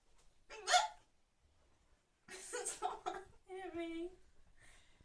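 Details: Female with hiccups: a single sharp, abrupt vocal catch, a hiccup, followed by voices talking in a quiet room.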